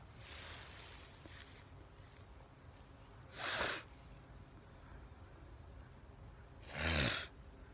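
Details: Person sneezing outdoors in a sweet pea field near home on the Fourth of July: two short, sharp sneezes about three seconds apart against outdoor background noise.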